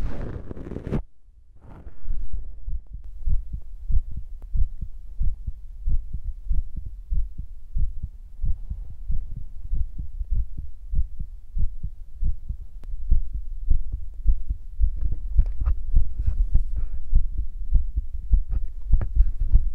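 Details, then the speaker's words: Person's own self-recorded heartbeat, which they felt was fast, noting 60–80 beats per minute is good: steady low thumping at roughly 100 sounds per minute after a brief rustle; a normal heartbeat. "like 60 to like 80 beats per minute is good."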